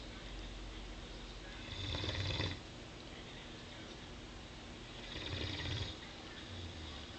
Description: At the end of a busy day, Gizzy is snoring up a storm.